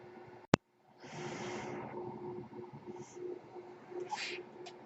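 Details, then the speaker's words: The podcaster's own mechanical ventilator: a sharp click, a brief pause, then a rushing airflow hiss over a steady low hum as it delivers a breath. "everyone my name is that noise you're hearing is my ventilator and welcome page turners that were not my stores podcast"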